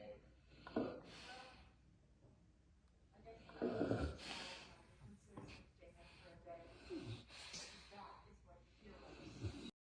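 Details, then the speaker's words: Snoring from a sleeping Dogue de Bordeaux dog; the owner jokes that he snores as if he had worked all day. "why you snoring like that you didn't do nothing I did all the work today"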